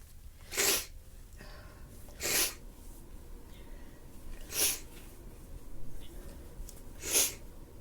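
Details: Congested, stuffy nose: four sharp forceful sneezes about every two seconds with faint sniffling between.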